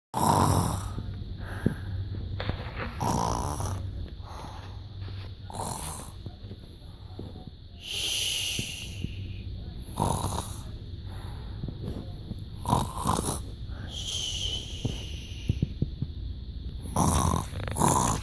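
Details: Sleeping child snoring: repeated noisy, rattling breaths with snorting bursts, about one every two to three seconds.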